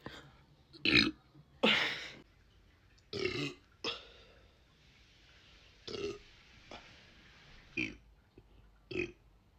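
About eight separate short belches at irregular intervals, some louder and longer than others; repeated burping.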